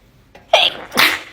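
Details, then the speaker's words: Woman with sneezing fits after brushing teeth for a year, suspects toothpaste allergy: quick in-breath then two forceful back-to-back sneezes. "A year ago, I started getting sneezing fits after I brush my teeth."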